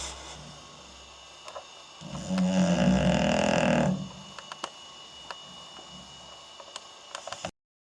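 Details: English Bulldog sleeping, filmed on night-vision camera, with belly rising and falling: one loud, rough, rattling snore lasting about two seconds, with steady room hum. Noisy breathing of a short-nosed dog snoring.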